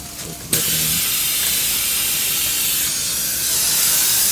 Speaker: What I like to do is take a surgical suction and take off most of the etchant before you rinse it, and that way you're not rinsing a lot of the etchant down into the patient's mouth.